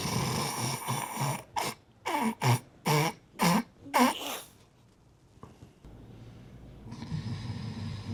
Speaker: Mtu anakoroma vibaya mno sikia sikia.